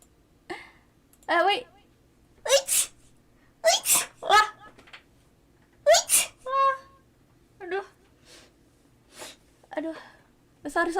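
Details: Streamer sneezing during a livestream: a run of high, squeaky sneezes, many in quick pairs, with short gasping intakes between, followed by 'bless you'; repeated sneezing.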